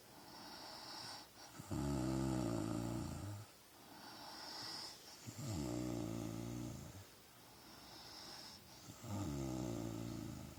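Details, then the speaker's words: Adult woman (wife) snoring: loud, regular rattling snores on each breath in, about 16 breaths a minute, with quieter breaths out between them; snoring. "She snores."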